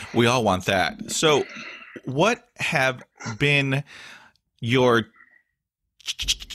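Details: Stuttering in an adult male with blocks, facial tics and years of speech therapy; word and interjection repetitions are heard.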